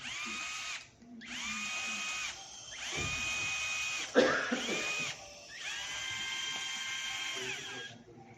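High whining drill runs in several start-stop bursts with brief pauses, the sound of a power drill during bone surgery.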